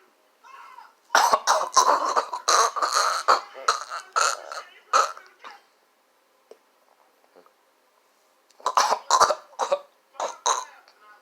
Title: Sugar snorting challenge can't stop coughing 😷